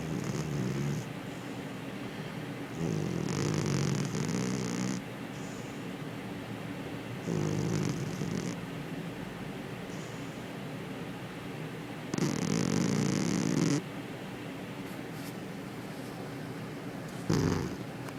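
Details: Soft, rhythmic snoring from a sleeping cat, fluttering noisy breaths in and quieter breaths out, about four cycles in eighteen seconds.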